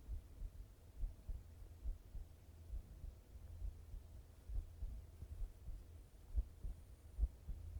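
Soft, low, muffled thumps at about 71 a minute under a steady low hum. A heartbeat recorded for relaxation.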